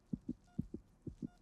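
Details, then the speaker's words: Rapid, regular soft thumping pulses of a fetal heartbeat, about 150 beats a minute, during a pregnancy scan in a dramatized film scene. "దడదడమని నా గుండె ఎలా కొట్టుకుంటుందో అది నీ హార్బిట్ కాదు కడుపులో నీ బిడ్డది అవునా"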